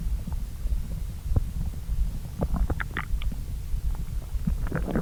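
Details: Person's stomach digesting a late brunch of pasta after skipping breakfast: continuous low gurgling and rumbling with brief higher squeaks; ordinary borborygmi of digestion after a meal.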